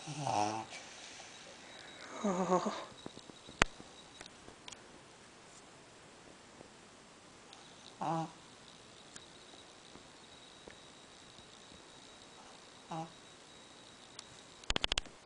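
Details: Shih Tzu with a few short, rattling, snorty snores, irregular and spaced several seconds apart, with scattered clicks and room noise: snoring.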